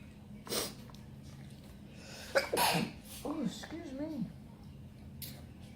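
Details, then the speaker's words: Two sharp sneezes, then a brief spoken reaction, in a quiet room; sneezing triggered by accidentally inhaling red pepper while eating. "Sorry about that. Ooh, all that pepper got me. The pepper got me."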